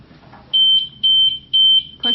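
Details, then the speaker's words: Stryker Spirit Select hospital bed exit alarm sounding after the patient leaves the bed: loud, high, repeating beeps about twice a second. "If a patient gets out of bed and the bed exit alarm is sounding,"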